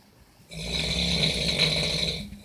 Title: Loud snore.